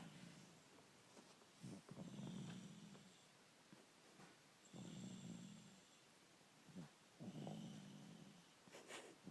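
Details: Sleeper snoring: soft, low rumbling snores with whistly breaths, about 24 breaths a minute, somewhat irregular, in a quiet room.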